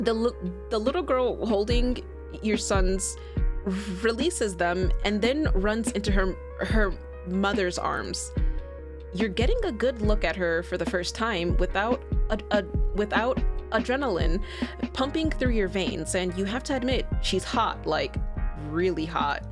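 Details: Female streamer who says she stutters and finds a particular word very hard to say, while reading game text aloud; real: stuttering.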